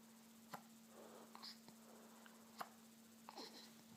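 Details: Baby with hiccups: three short, sharp, abrupt hiccup sounds over about four seconds against quiet room hum.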